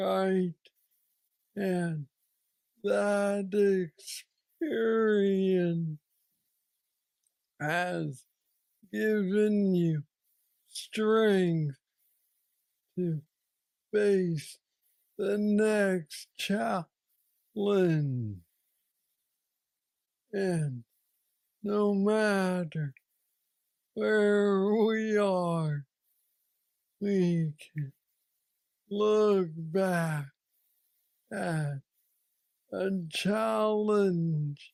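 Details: Man diagnosed with Parkinson's disease at age 35, about nine years earlier, with what he calls the most aggressive form he knows; treated with a brain stimulator implant. Hypokinetic dysarthria (Parkinsonian speech).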